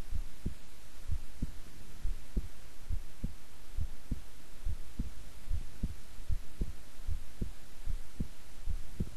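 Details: Steady soft low thumps at about 76 a minute over a faint hiss, a person's own heartbeat recorded at length while resting quietly; normal heart sounds, regular rhythm.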